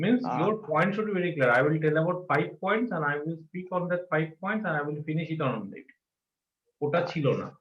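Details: Adult man speaking; ordinary speech.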